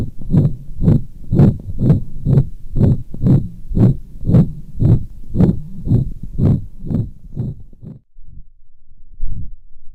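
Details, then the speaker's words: Dog with pulmonic stenosis, heard farther cranially over the pulmonic area: rapid regular heartbeat about 118 a minute with harsh systolic crescendo-decrescendo ejection murmur. "that was another systolic crescendo decrescendo or ejection type murmur this time from a dog with pulmonic stenosis the only real difference between this murmur and the last one is the location"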